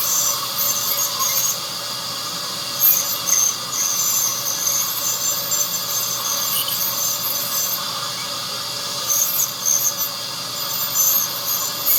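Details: Ultrasonic dental scaler during routine teeth cleaning at an oral clinic on a 43-year-old with no decayed teeth: continuous high-pitched whine and squeal with brief louder bursts as it works along the teeth.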